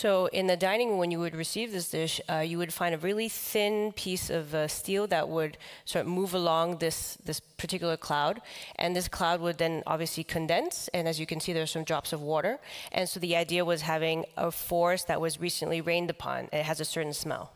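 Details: Adult man with the neurological disease dystonia, which in his case causes uncontrollable neck movements and can affect other body parts; he reports having no real tone of voice; real speech: voice affected by dystonia.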